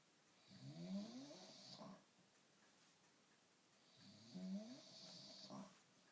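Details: Two slow, rattling, rising snores on inhalation, each followed by a quiet exhale, in a quiet room; snoring.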